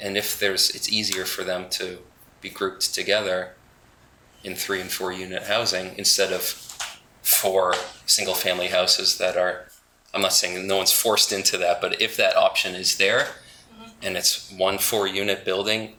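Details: Adult man with spasmodic dysphonia, which he calls basically localized epilepsy; he links his voice problem to a fall off a cliff during an extreme skiing competition that left his throat 'gunked up'.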